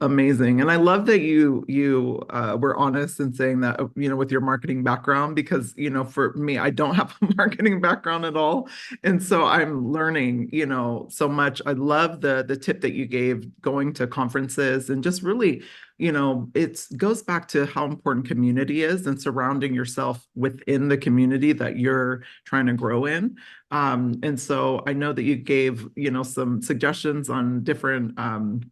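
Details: Adult woman speaking; typical speech.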